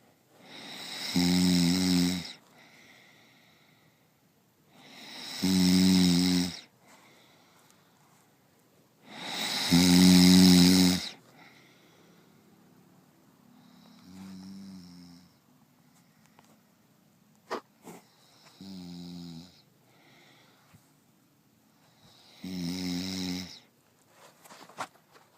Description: you would never know if you snore unless someone puts it on tape